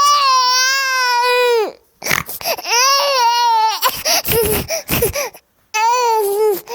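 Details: Loud, high-pitched infant crying in long wailing bursts with gasping breaths between, presented as a hungry baby's cry; sound-effect recording.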